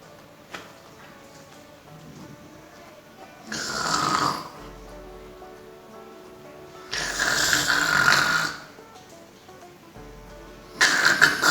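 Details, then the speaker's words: Imitated snoring done as an oral-motor (praxis) speech-language exercise: three long, rattling snore-like sounds with music in the background. "y también podemos hacer como cuando alguien está roncando han visto alguien roncando"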